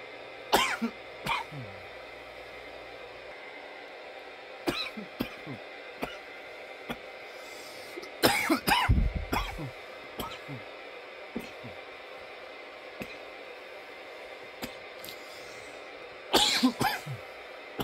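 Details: From a nearly 10-minute coughing recording: bouts of harsh, irregular coughs, single and in clusters with quiet gaps, about a dozen; repeated coughing.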